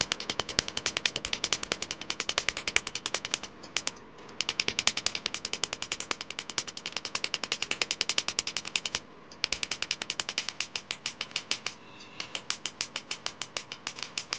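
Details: First laser removal session on a Mahadev name tattoo: rapid, sharp snapping clicks, about two per second, with brief pauses as the tattoo removal laser pulses.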